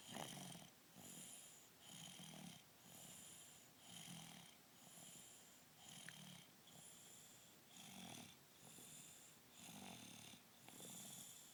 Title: Snoring baby